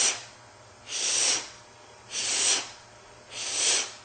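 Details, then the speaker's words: Vocal imitation of aortic stenosis for MRCP PACES exam teaching: repeated harsh hissing bursts that swell and fade, a harsh ejection systolic murmur, like blood forced through a very small aperture. "uh the first thing uh is the aex nosis uh this is as you know uh chishan deand murma is a harsh murma and it sounds like"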